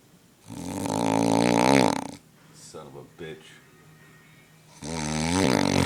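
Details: A male roommate snoring at a beach house: loud, rattling, tonal snores on each breath in, with quieter snuffling breaths out between them; snoring.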